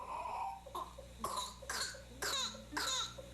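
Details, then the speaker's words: Whooping cough (pertussis) from a 1986 TV health segment: repeated short, strained spasmodic coughs in a run with gasping intakes between. "hooping cough is a highly contagious severe infection of the bronchial passages characterized by repeated attacks of spasmodic coughing ending with a forced inspiration of air giving the characteristic hoop"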